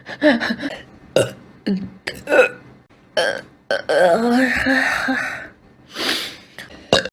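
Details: Streamer (VTuber) burping, reportedly after drinking: a series of loud burps, several short and one long drawn-out belch, with brief breaths between.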